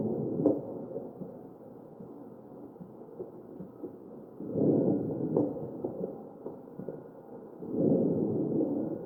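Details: Crackles in a mechanically ventilated patient's chest.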